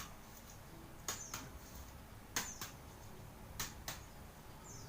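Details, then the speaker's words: Paired sharp percussion taps over the abdomen, starting at quadrant 1, in an adult male patient, giving a hollow drum-like note: normal abdominal tympany. "Baik, suaranya itu normal ya, timpani normal, suara normal itu timpani."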